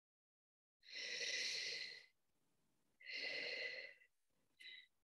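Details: Relaxation sigh (therapeutic breathing exercise).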